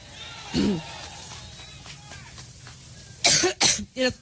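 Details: A woman in a coughing attack during a Cleveland campaign speech, after joking that she gets allergic: three quick, harsh adult coughs close together after a brief vocal sound, with crowd and room noise.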